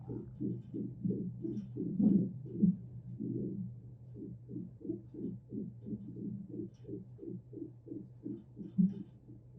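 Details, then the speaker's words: Fetal heartbeat of a 34-week pregnant surrogate on hospital monitors for suspected contractions: fast, regular galloping pulses about 140 a minute with movement noise, captured while the very active baby held still. "and a sound clip of her heartbeat when she'd hold still for more than five seconds"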